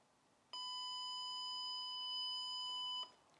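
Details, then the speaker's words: Beep of an ALSATOM SU-MPC electrosurgical unit (dermatology/surgery) after switch-on: single steady high-pitched tone about 2.5 seconds, signalling the internal self-check of modes is complete and the unit is ready to use. "c'est pour cela qu'après chaque allumage ou lors du premier allumage il y à une mise à jour interne de quelques secondes permettant la vérification des modes prêt à être utilisé"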